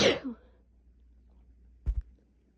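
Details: Sneezing during a cold in a person with asthma, chest tightness making sneezing fits painful, 3 days of sinus pressure and 2 days of fever; a loud, abrupt explosive burst of air then a short low thump.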